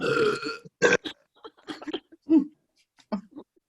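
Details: Two girls in a burping contest: a voiced belch followed by short burps and a few brief vocal sounds; burping.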